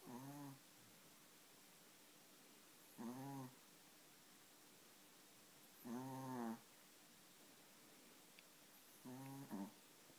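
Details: Loud, rattly snores on each in-breath, about 19 a minute and spaced about three seconds apart, with quiet pauses between: snoring.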